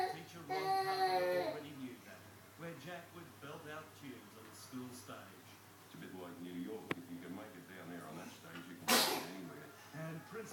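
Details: Young child babbling and squealing in a small room, then one sharp, explosive sneeze near the end.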